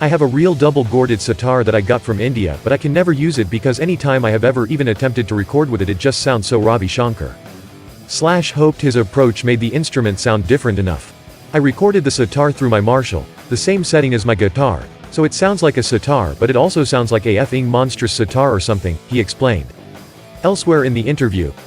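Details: Adult male speaker with background music; ordinary speech.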